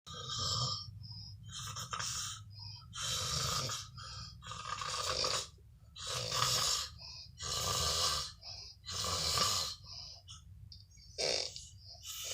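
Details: Adult man; loud, harsh, rattling snores recur every few seconds with quiet gaps between them: persistent heavy snoring.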